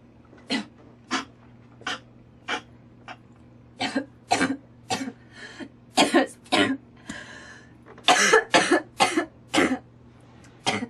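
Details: About twenty short dry coughs in an irregular string, mixed with throat clearing over a low hum; a girl coughing while smoking tobacco.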